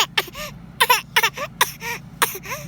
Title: Fake cough baby